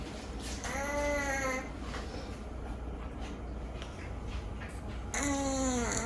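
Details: Rescue cat with a chronically slightly blocked nose, breath audible even when awake, snoring louder than usual: whistling, squeaky nasal tones with each breath over room noise; snoring with nasal congestion.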